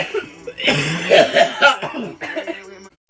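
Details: Cough compilation clip: a rapid run of several voiced coughs ending in a throat-clearing sound; an ordinary cough.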